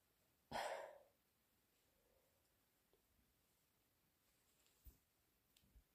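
One short, sharp sneeze in a quiet room, followed by faint breathing and small sniffs, during a cold.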